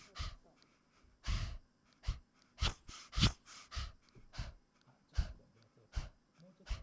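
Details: 15-year-old male Chihuahua, 4.4 kg, with persistent cough a month after tracheal surgery (extraluminal prosthesis, permanent tracheostomy): rapid, irregular, harsh noisy breaths with snorting rasps; laryngeal paralysis and collapse with dynamic pharyngeal narrowing on expiration.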